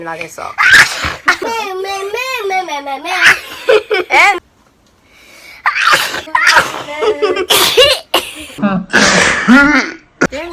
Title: japanese girl sneeze